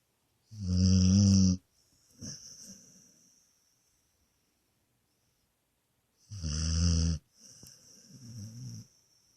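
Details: Dog sleeping comfortably on a bed, snoring and farting: two loud, low, rattling snores on the in-breath, each followed by a softer, noisy out-breath.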